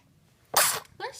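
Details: A baby's sneeze, recorded during a spell of hiccups and sneezes.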